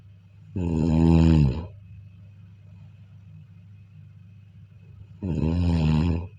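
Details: Snoring during sleep: two deep, vibrating snores a few seconds apart, with quiet breathing and a faint steady hum in between.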